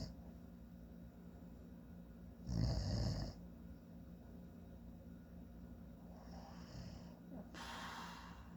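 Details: One loud, low rumbling snore followed by two softer ones over steady room hum, from a sleeping adult man; snoring.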